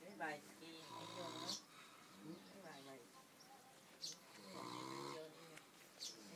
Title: Chó ngủ biết...NGÁY ! Dog is Snoring